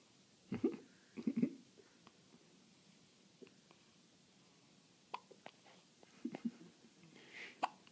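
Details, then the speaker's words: A little girl's hiccups: soft, abrupt hiccups, about six in eight seconds, with quiet gaps between them in a still room; expected to stop any second. "daddy wanted to record emma's little hiccups i told you i told you they'd be over any second"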